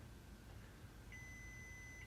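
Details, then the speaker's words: Novamax blood glucose meter in a diabetic patient doing wound care: quiet room, then a single steady electronic beep as the meter accepts the fingerstick blood drop on the test strip; reading 153. "All right, got a nice drop of blood there. It beeped, therefore it is good."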